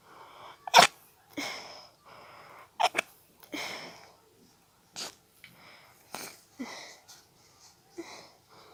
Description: I had a tickle in my nose which turned to a quite intense sneezing fit which I tried to stifle the best I could!